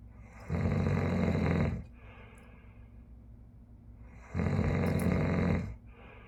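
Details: Snoring played from a vinyl record through a tube hi-fi system and recorded on an Oppo Reno11 Pro phone: two long, loud, low rattling inspiratory snores about four seconds apart, with quiet breathing between.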